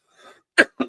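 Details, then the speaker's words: Adult livestreamer coughing during speech, saying he has a bit of a cough today and may be wheezing after a long day. "Excuse me. I got a bit of a cough today. Sorry if I'm wheezing."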